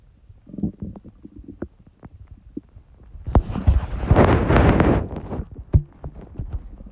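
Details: Gurgling, bubbling rumbles with scattered pops swelling into a long loud churn from the stomach of a person with a cold; ordinary bowel sounds.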